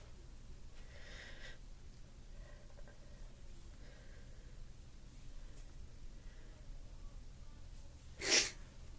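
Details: Quiet room with faint sniffing, then one sharp explosive sneeze near the end, in a stuffy-nosed person.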